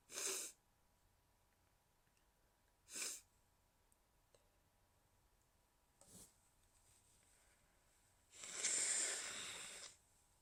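Several short, hushed, breathy sneezes, then a longer stifled one; sneezes held back to stay quiet.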